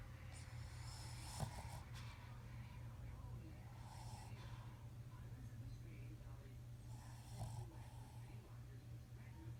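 Low rumbling snores with snorting catches on a steady low hum, about two breaths heard; snoring in a small flat-faced dog.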